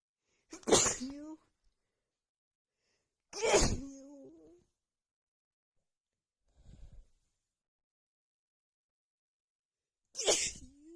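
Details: Female's sneezing fit right after visiting a home with cats: four forceful, powerful sneezes in quick succession with short quiet gaps, after holding back; also nose blowing into a hanky.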